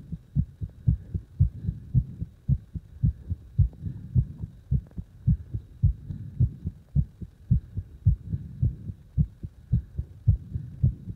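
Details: Forceful heartbeat: strong, regular, pounding low heartbeats at about 110 beats a minute, each beat loud and distinct.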